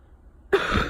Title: summer cold coughing